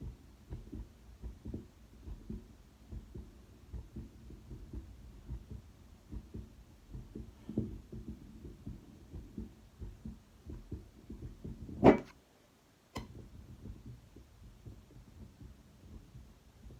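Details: Quick, regular heartbeat through a stethoscope after exercise, with a loud scrape and brief pause as the chest piece moves.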